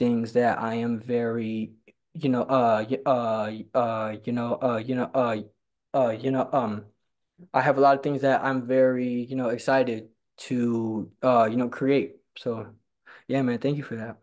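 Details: Stuttering in a man who stutters and attends stuttering support group meetings.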